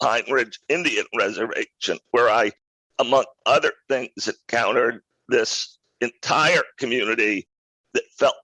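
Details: Adult man with a rare neurological voice disorder acquired in 2012 that made speaking difficult, still audible in his speech today; neurological voice disorder.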